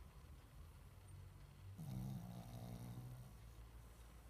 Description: Our neighbours dog having a snooze & snore!